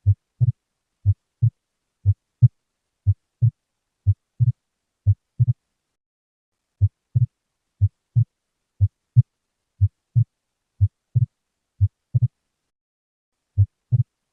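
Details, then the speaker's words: Regular heartbeat near 60 a minute in a patient with a ventricular septal defect; the second sound splits into two close taps, a wide S2 split suggesting delayed right ventricular emptying and a hemodynamically significant defect. "a divisão Ampla de S2 em um paciente com comunicação interventricular seria indicativa de esvaziamento tardio do ventrículo direito é sugestivo de defeito hemodinamicamente significativo subjacente"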